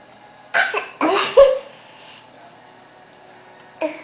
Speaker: Yep. Do you have the hiccups? Are you trying to hiccup?